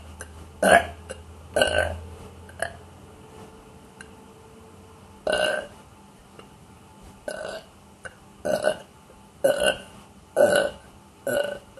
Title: Burping Baby